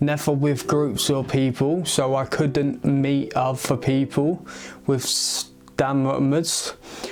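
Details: Male aged 22 who has stammered since age eight; he links it to a skull fracture from a baby-walker fall at age three or four. It worsens under stress; treated with speech therapy and an intensive Michael Palin Centre course. Stuttering.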